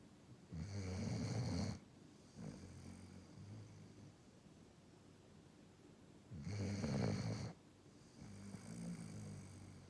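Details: Loud rattling snores on the in-breath, each followed by a softer out-breath, about 10 breaths a minute, from a sleeping dog; snoring.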